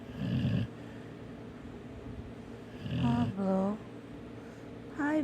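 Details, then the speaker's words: A sleeping dog with a big head snores while lying beside his owner, hard enough to make the bed shake: low rumbling breaths alternating with faint whistling and squeaky tones. "big head, snoring away, laying with his mama. Out like a light."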